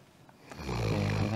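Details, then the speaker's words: Sleeping dog recorded with a microphone placed beside it: loud, deep, rattling snore building up and holding steady on the breath, likened to an excavator digging. "코 자고 있어서 옆집 소리가 이렇게 리어니 자고 있는데 장난치려고 옆에다가 코 코 고는데 옆에다가 제가 마이크를 놓고 왔어요"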